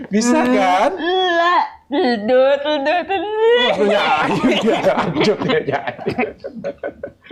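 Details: Young woman with cerebral palsy and speech difficulty since childhood; finding: dysarthria (cerebral palsy).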